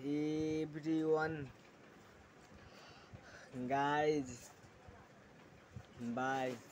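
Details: 16-year-old boy with self-reported stuttering (stammering), speaking while demonstrating his own fluency techniques, such as pausing after each word and speaking with airflow: stuttering.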